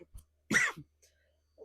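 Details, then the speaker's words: Adult woman sick with flu, sore throat, in the coughing stage: a single harsh, loud cough with a brief throat-clearing tail in a quiet room; cough during influenza. "I'm kind of in the coughing stage not coughing stage but coughing [Music] stage excuse me yeah but it sucks so bad guys it does my throat hurts"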